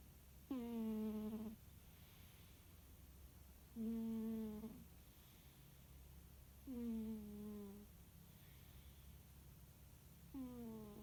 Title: Annie the tabby cat snoring and dreaming